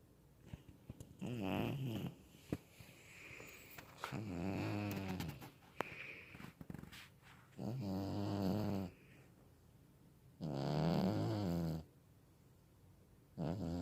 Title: Cat Snoring